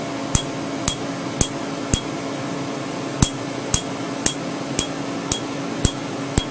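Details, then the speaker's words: Sharp snapping clicks, about two a second, over a steady hum: Candela Tri-Vantage Q-switched 755 nm alexandrite laser, 2 mm spot, treating a tattooed name after topical anesthetic; a slight snap and pinpoint bleeding expected. "with a two millimeter spot size we're going to treat just the name again this is 755 nanometers alexandrite"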